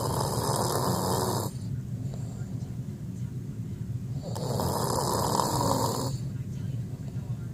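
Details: Snoring during sleep: two long, loud, rough breaths about three seconds apart, separated by quieter stretches.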